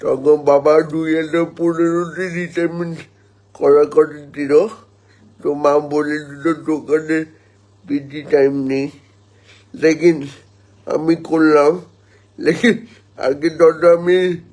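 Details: Adult man born 1988 speaking Bengali, with cerebral palsy and spasticity from lack of oxygen at birth that damaged his motor nerves; dysarthric speech in cerebral palsy.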